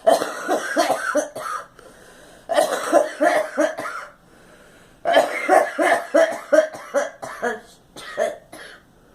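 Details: A girl coughs in three quick runs of short, harsh coughs separated by brief pauses.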